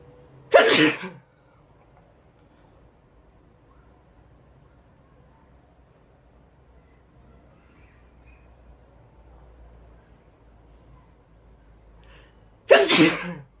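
Two sharp, explosive sneezes about twelve seconds apart with quiet between; sneezing.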